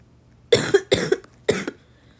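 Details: Three harsh, loose cough bursts in quick succession, the first two each followed by a second smaller burst, from a gamer who says they are still really sick.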